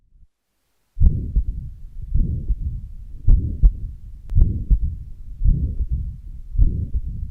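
Slow, regular heartbeat about 55 a minute; each beat carries a long, low blowing murmur between the heart sounds, a pansystolic murmur of mitral regurgitation.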